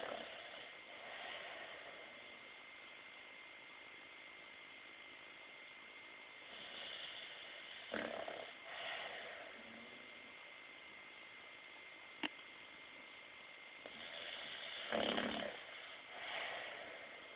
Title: Milo snoring